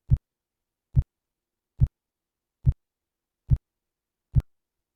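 Simulated Korotkoff sounds: six regular low tapping thumps, about 71 a minute, heard as a blood pressure cuff deflates.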